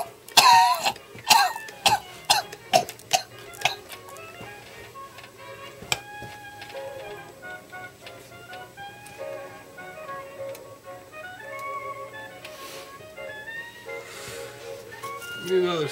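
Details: A smoker gives a run of about seven harsh, chesty coughs, followed by music: a smoker's cough.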